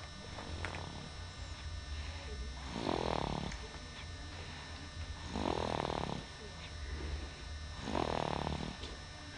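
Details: A 3-month-old baby boy's first snore: three soft, rough snoring breaths about every 2.5 seconds, roughly 24 a minute, while asleep, with low room hum behind.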